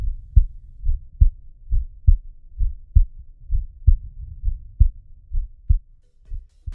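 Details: Human heartbeat heard through a homemade balloon stethoscope placed on the chest slightly left: steady, regular paired low thumps at about 68 beats a minute with no added sounds; a normal heartbeat.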